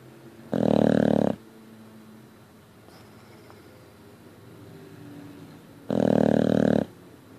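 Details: Boxer dog snoring with jaws flapping: two loud, rattling snores about five seconds apart, with quiet breathing between them.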